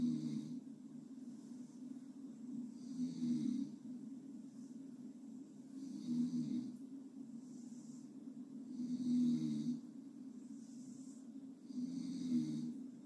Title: Gently Snore